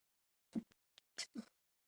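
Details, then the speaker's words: Adult woman podcast host gives a very small, quiet, stifled sneeze made of a few brief soft bursts of breath and voice, called the daintiest sneeze by her co-host. "you that was the daintiest sneak I've ever heard in my life I sound like a grandpa in church when I sneeze that was the cutest thing ever"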